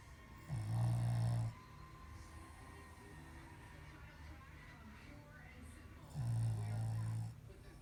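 Two long, low rattling snores about six seconds apart, with quiet breathing between; snoring during sleep.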